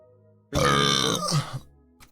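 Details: Man producing one long, loud, deep voiced belch lasting about a second, ending in a couple of gulping sounds; burping.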